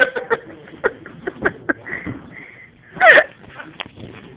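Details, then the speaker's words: A child with horrible hiccups, joked to be "drunk with the hiccups": short, abrupt hiccup sounds with one louder gulping burst near the end. "I think drunk with the hiccups. drunk with the hiccups."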